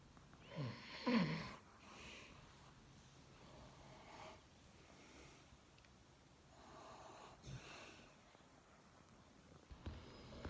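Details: Husband asleep on wife's shoulder: irregular soft snorting, rumbling breath noises with quiet room noise between; ordinary snoring.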